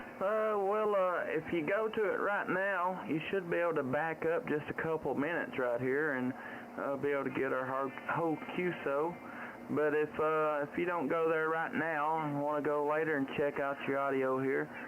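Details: Adult man speaking over a radio link; ordinary speech.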